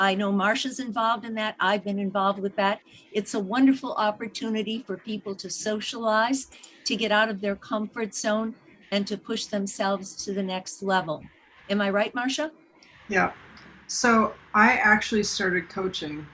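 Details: Adult speakers in conversation (two voices); normal speech.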